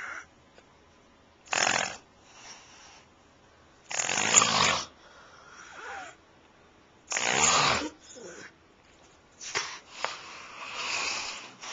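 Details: Loud, rough inhaled snores about every three seconds, roughly 20 a minute, with softer breathing between, from a person sleeping: snoring.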